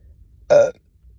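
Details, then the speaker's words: One short, loud voiced burp in a quiet room, after chugging a soda on an empty stomach, with bloating and stomach discomfort. "Oh, fuck. This one's stuck. Kind of. There we go. Yeah, that's out of there too, right? My stomach still feels so fucked up."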